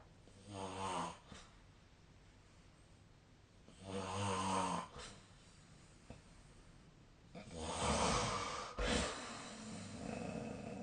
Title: 🐽 本日のイビキ / Snoring Sleep Sound 2025/03/21